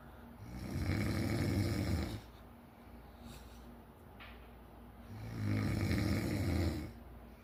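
Two long, rumbling inhaled snores with a quiet pause between them, about 16 a minute; acted snoring for a comedy sketch.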